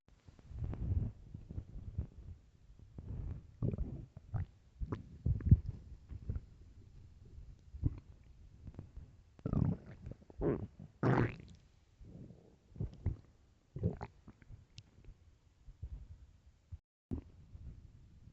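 Repeated low gurgling and rumbling bursts of varying length over about 18 seconds: loud stomach growling, bowel sounds of an empty stomach.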